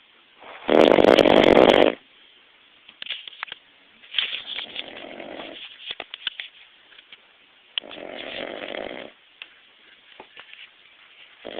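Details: Adult man snoring during a nap: a loud rattling snore, then softer snoring breaths with faint clicks and snorts in a quiet room.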